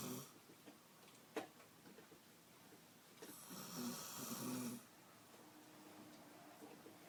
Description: My girlfriend took a nap on the couch while we were watching Family Guy and once she fell asleep her snoring got louder and louder!